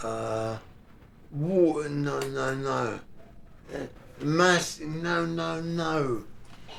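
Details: Non-fluent aphasia in a 55-year-old man four months after a devastating stroke, with right-sided weakness, in inpatient rehab; barely able to speak, no fluency, hunting for words; non-fluent aphasia.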